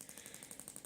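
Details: Gymna Shockmaster 300 radial shockwave device with a 20 mm head and gel, set to 1.6 bar and 12 Hz for 4000 shocks, treating grade 2 cellulite on the leg in a systematic radiator pattern: rapid, even jackhammer-like tapping.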